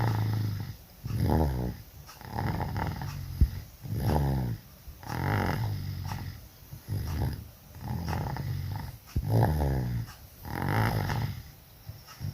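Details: Very loud snoring during sleep while sick with flu and cough: rattling, growl-like snores with each breath, about 15 a minute.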